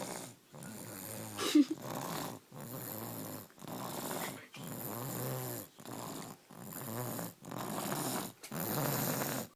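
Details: Snoring, described as a snoring baby sounding like an old man: steady, rhythmic, rattling snores about every 1.3 seconds with brief pauses between.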